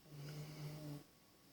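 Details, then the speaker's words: Snoring from a pug named Zoe, sleeping nearby after waking: a single low, buzzing snore lasting about a second, then quiet room noise. "she woke up and she starts snoring oh are you snoring over there hey you snoring yeah just hanging out dad she'll start snoring so if you guys hear that that is not me smiling"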